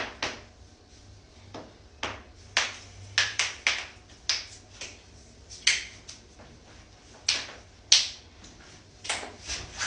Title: cracking joints compilation